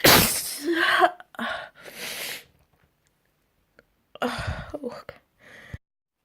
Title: Spring Sneezes